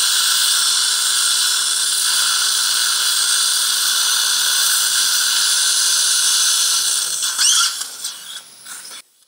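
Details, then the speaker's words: 77-year-old man with a heart condition and poor periodontal condition, implants at sites 43, 45 and 46: surgical handpiece whines steadily, then winds down, as a 5.20 × 8.5 drill cuts hard bone to about 70% depth before a 4.5 fixture. "bone quality is quite hard so 5.20 by 8.5 drill is used it's not full length but approximately 70 percent drilling is done and after that i'm going to place 4.5 fixture"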